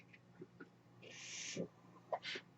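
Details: Breath cycle from the podcaster's own home mechanical ventilator, audible in the background of a real spoken recording.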